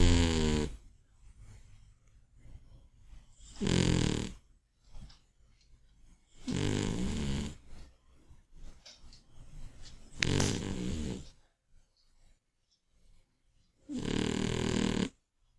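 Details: Old, overweight Scottish Fold cat asleep: loud, rasping snores with softer breaths between, roughly every three to four seconds; heavy snoring.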